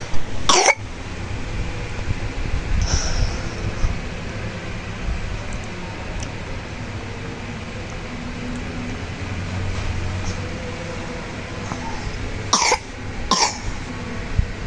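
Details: Compilation of coughs: three short, sharp coughs, one early and a close pair near the end, over a low steady background rumble.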